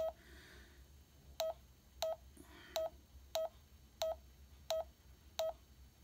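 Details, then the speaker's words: Short, even electronic beeps, one per heartbeat at about 84-85 a minute, from the pulse oximeter mode of a Check Me Pro portable device; normal blood oxygen level reported. "it's going to check your pulse rate post oxide again it's checking for your heart rate mine is steadying at 84."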